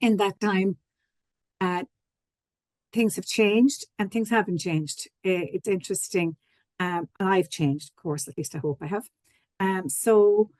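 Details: Adult speaker; ordinary speech.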